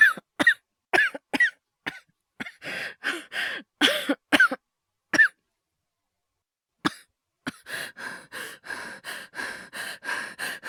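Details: Acted coughing by a male voice actor, compiled with hyperventilation: bursts of dry coughs and throat clearing, then a run of quick, heavy breaths. All of it is simulated.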